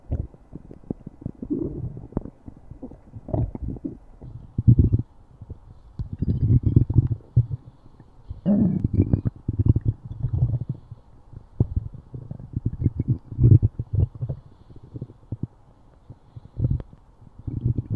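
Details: Low, irregular gurgling rumbles coming and going in waves; stomach growling (borborygmi).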